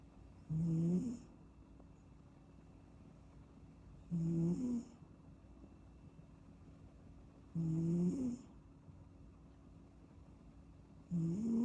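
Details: Sleeping kitten: soft, regular snores about 17 per minute, each a low rumbling breath with a faint whistle; ordinary sleep snoring.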